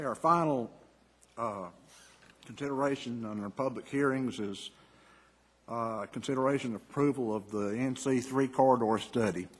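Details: Adult man; normal voice.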